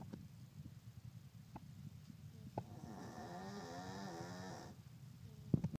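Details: Yorkie dog snoring during a nap: soft low rumbling breaths with one longer whistling, buzzing snore in a quiet room.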